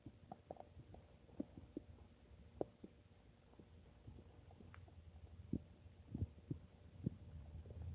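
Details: A person's own stomach noises: soft, irregular, low gurgles and clicks over a faint hum; ordinary bowel sounds (borborygmi).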